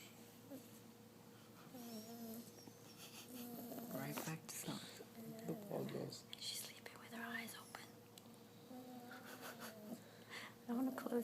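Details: Sleeping 9-week-old English bulldog puppy makes repeated whistling, snorting snore sounds with each breath, with soft whispering nearby; snoring.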